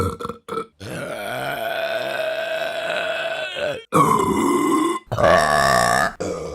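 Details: Deliberate burping compilation: several long, loud, voiced belches in a row, one lasting about three seconds.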